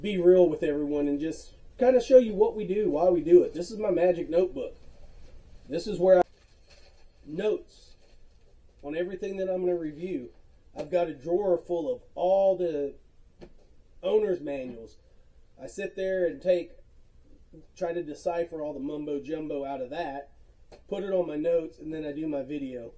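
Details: Self-reported natural speech impediment in a man, with disfluent pauses, prolongations and frequent filler words.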